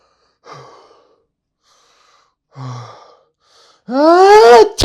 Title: Normal sneeze Vs Dad's sneeze